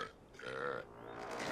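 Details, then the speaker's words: Long, loud, voiced belch with a low throaty rumble, then a second shorter one, from a man described as a burp machine. "the other side of me, I have, who is just a burp machine."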